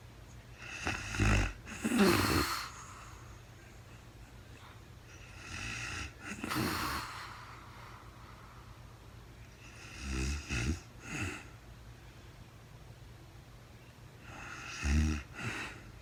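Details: Real-time overnight sleep recording of a very tired woman, part of a four-hour recording: four rough, rattling inspiratory snores, about fifteen per minute, with quiet pauses; snoring during sleep.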